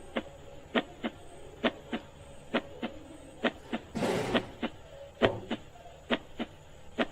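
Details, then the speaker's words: Normal heart sounds played in a grade 10 zoology class: regular paired lub-dub beats at about 67 per minute, lub from tricuspid and bicuspid valve closure, dub from semilunar valve closure, with a brief noise burst midway. "now see here the first sound which is only here the first time that is a love sound it is due to the closer of tricuspid and bicuspid valves"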